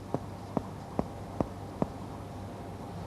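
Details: Four evenly spaced, hollow finger taps on the chest wall during a respiratory physical examination demonstration, with a quiet room behind; a normal resonant percussion note by indirect percussion.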